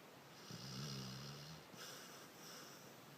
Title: Dog snoring